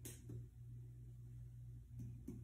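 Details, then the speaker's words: A student nurse percusses all four quadrants of a healthy abdomen: four soft taps in two pairs, screening for general dullness or tympany before percussing the liver and other major organs. "Your abdomen. I'm going to start by doing all four quadrants. I'm going to get a general sound for any dullness or tympani."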